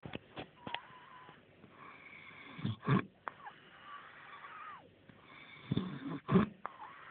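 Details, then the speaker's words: Person snoring loudly while asleep, keeping others awake: two loud rattling snores a few seconds apart, with quieter breathing and faint whistling in between. "what? You're keeping us awake when you're sleeping. We need to try and get some sleep now."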